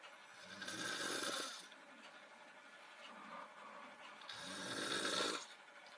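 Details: Two loud, rough, rattling snores, each rising and fading over about a second, with quiet breathing between; snoring during sleep, recorded for a lip-sync clip.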